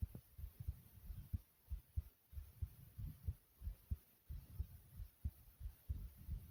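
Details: Soft thumping heartbeat at about 92 beats per minute, slightly fast, recorded after jumping in place: a normal heart-rate rise after exercise.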